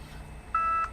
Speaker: And I hear beeping. Yeah, that's my insulin pump yelling at me. Oh, eat something.